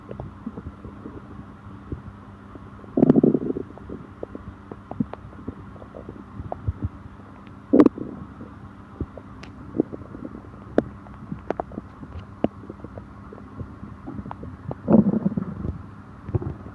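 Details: Stomach growling after eating with stomach upset: low gurgling rumbles in three louder bursts over a steady hum with scattered small pops; borborygmi.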